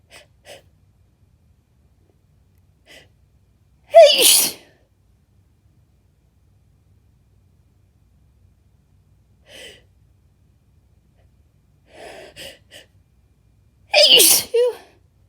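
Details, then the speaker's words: Adult sneezing fit deliberately induced with chinkini, too much used, leaving them lightheaded: soft hitching breaths build to two forceful, wet, messy sneezes with quiet breaths and gasps between, growing more powerful as they come. "Oh, that one was really messy. Gosh. They just keep getting more powerful as they keep coming."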